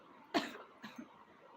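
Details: A single sharp hiccup with a short following sound, in a quiet room.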